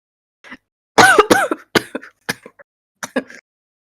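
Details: Woman with suspected vaping-related lung injury (EVALI), former smoker: repeated throat clearing and short wet congested coughs in quick succession; permanent cough, wheezing and stuffy nose; she says she's coughed all day, thinks she caught a cold.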